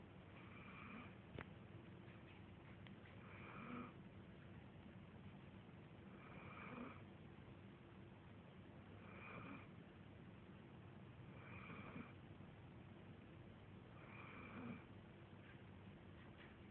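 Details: Snoring: soft, regular snoring breaths, about 22 a minute, over a quiet room hum.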